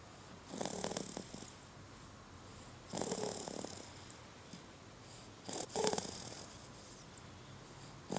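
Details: Three rattling, purr-like snores, about 25 a minute, with quiet pauses between; ordinary snoring.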